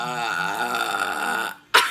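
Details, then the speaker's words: Young child burping in a burping contest with father: a long, loud, voiced belch lasting about a second and a half, then a brief pause and a sharp burst of laughter. "ork cos he wanted to challenge me to a burping contest so that's what we're gonna do and we're gonna get busy with this"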